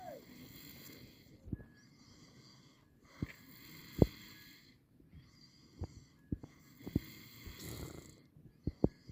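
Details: Person sleeping in the mountains: soft rhythmic snoring breaths roughly every two seconds, with sharp clicks and knocks in the background; snoring.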